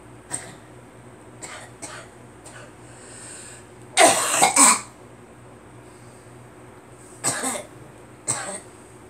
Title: Girl coughing